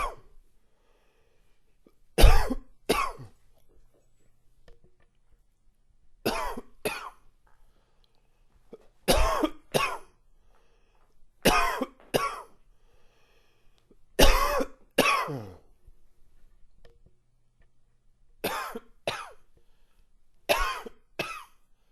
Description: Shorter but more chesty coughing fit. Small bit of congestion.